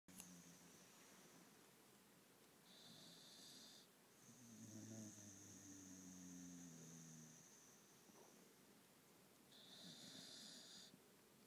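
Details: Sleeping Staffordshire bull terrier foster dog snoring after a lot of exercise: low, drawn-out rumbling snores over steady background hiss and whine.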